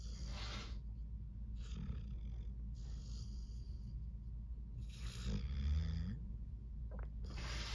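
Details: Sleeping male said to be dreaming, snoring: soft, regular snuffling snores roughly every second over a steady low hum; quiet sleep snoring.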